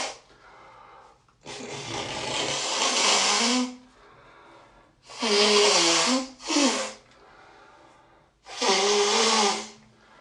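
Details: Sneezes and first nose blows of the day: several loud prolonged forceful air blasts with brief voiced endings, quieter breathing between, honking with little mucus; sneezing.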